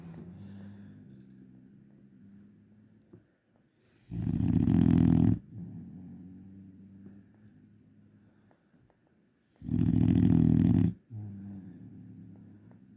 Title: Snores like a tractor! #dog #shorts